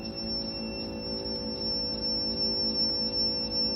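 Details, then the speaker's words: PNG Neotherm servo-controlled therapeutic hypothermia device: continuous high electronic tone with faint regular pulsing, alarm as rectal temperature exceeds 34.5 °C, above target core range, persisting until addressed. "here you can see that once the rectal temperature has exceeded 34.5 degree Celsius the machine is giving an alarm so whenever there is temperature deviation beyond the recommended set Target core temperature range the machine the"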